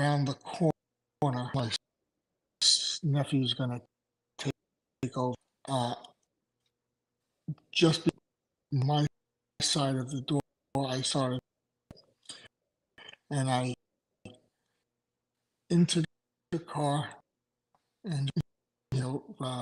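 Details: Aphasia in an adult male after two strokes in November 2017, with short-term memory problems, right-sided weakness, an unusable numb right hand and ten seizures since the strokes.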